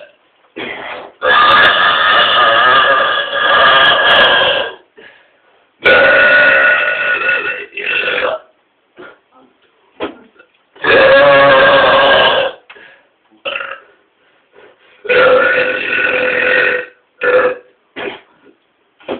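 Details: Two people burping loudly and powerfully: four loud, long, rumbling belches with short pauses, followed by smaller burps; burping.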